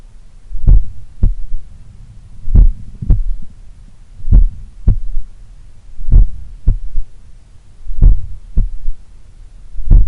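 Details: Slow, powerful heartbeat about 32 a minute recorded at the apex in the morning lying on the left side; each beat followed by a softer low thud, a third heart sound (S3), attributed to blood recoil or a slightly larger/supple left ventricle.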